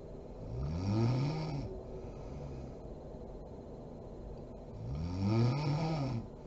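Two deep, droning snores on inhalation with quieter breathing between, against steady room hum; snoring.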